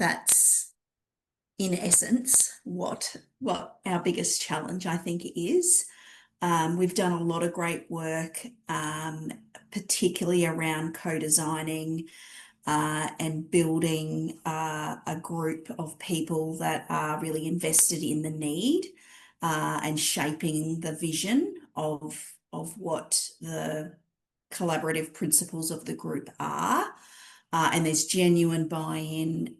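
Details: Adult woman speaking; normal voice.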